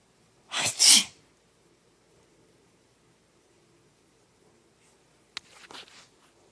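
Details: Person sneezing near a pet: one loud double-burst sneeze, then a quiet pause and a brief faint rustle and squeak; sneezing.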